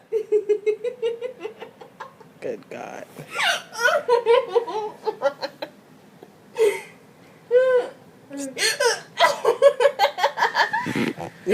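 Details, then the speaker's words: A girl with hiccups while laughing, briefly choking: rapid repeated short voiced catches mixed with laughter and a brief choking sound; hiccups. "You look like what Stevie Wonder would look like if he had the hiccups."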